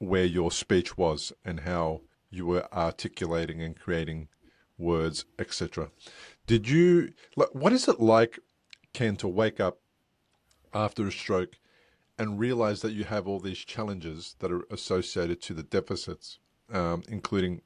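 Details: Adult male speaker; unaffected speech.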